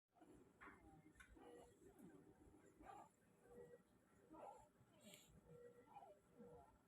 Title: A neonate with stridor- Laryngeal web